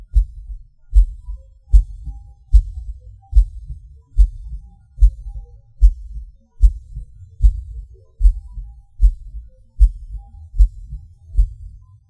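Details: Person's own recorded heartbeat, felt as a falling rush with each pause or hard beat: low thumps around 75 a minute, uneven spacing with pauses and extra beats; irregular heartbeat with premature ventricular and atrial contractions (PVC/PAC).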